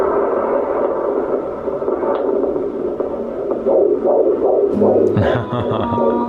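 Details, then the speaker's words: Fetal heartbeat on an ultrasound at a pregnancy check; fast rhythmic whooshing pulses, roughly 160 a minute; the heartbeat will slow a little as the baby matures. "The heartbeat will slow down a little bit as your baby matures."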